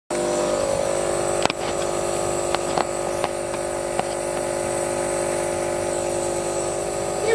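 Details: Holding his own nebulizer during a treatment: steady mechanical hum and buzz of the compressor running continuously, with a few faint clicks; nebulizer running.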